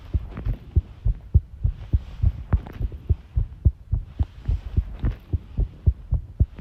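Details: Heart sounds recorded while tidying a room, arrhythmia noted: paired low thumps at roughly 100 a minute with uneven spacing between some beats; irregular rhythm.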